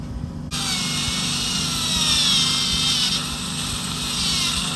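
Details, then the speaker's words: A round surgical bur uncovering bone over an impacted distoangular lower third molar during wisdom tooth surgery: a steady high-pitched whine of grinding bone with faint water spray. "okay so I'm I'm using a round bar first to uncover the bone"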